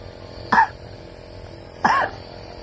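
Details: Child with cough, fever and phlegm, told to cough during nebulizer treatment with medicine: two short, weak, slightly wet, muffled productive coughs over steady nebulizer machine hum.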